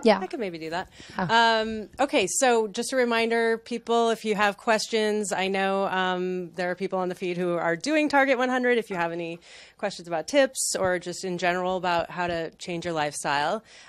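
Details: Adult woman speaking; normal voice.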